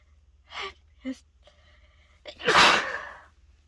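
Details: Stuffed up from a cold, after a dose of chhinkni: gasping in-breaths and short build-up sounds, then one loud explosive sneeze that trails off; uncontrollable sneezing.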